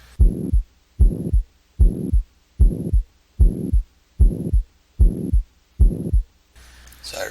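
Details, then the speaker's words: Ventricular septal defect murmur in a teaching example: regular heartbeat about 75/min with a harsh murmur filling systole, caused by the large left-to-right pressure gradient and flow. "repeat a vssd murmur is Harsh sounding because there's a huge flow and pressure difference from the left to the right side"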